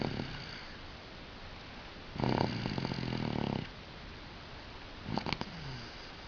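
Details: Exhausted after coming home from creche, sleeping: two or three low rattling snores on the breath, with quiet stretches of breathing between; ordinary snoring.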